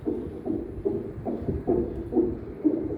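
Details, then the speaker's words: Fetal heartbeat heard via CTG transducer during monitoring: rapid, regular whooshing beats, about 140 per minute, within the normal range of 110–160 per minute. "Itu terdengar suara denyut jantung bayinya ya. Itu yang tadi normalnya adalah 110 sampai 160 kali per menit."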